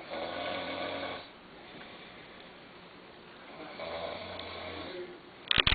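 Two deep, buzzing inhaled snores separated by a quiet pause, then a brief clatter at the end.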